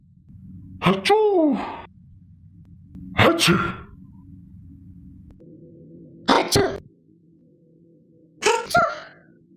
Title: Sneeze - Sound Effects